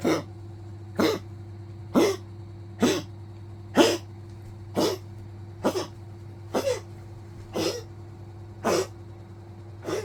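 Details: Old Poodle coughing persistently, also scratching the bed and resting when tired: a steady run of short, dry cough bursts, about one per second.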